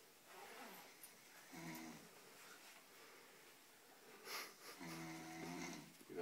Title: Snoring Gryn